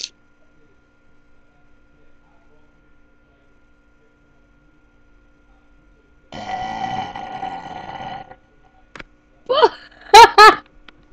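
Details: Sister burping after drinking fast: one long, drawn-out burp followed a moment later by several short, voiced belches; ordinary belching.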